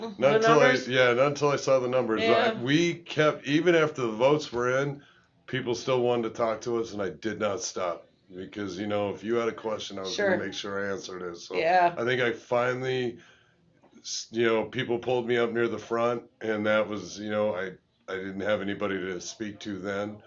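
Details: Adult man speaking; normal speech.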